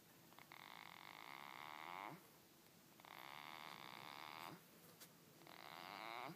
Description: Goat snoring